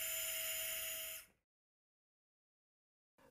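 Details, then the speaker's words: Power driver inserting the third, posteromedial guide wire through a tissue protection sleeve during anterior-approach ankle arthrodesis with 7.3 mm cannulated screws: high-pitched whine for about a second, then stops. "once the tissue protection sleeve has been introduced the third guide wire can be inserted"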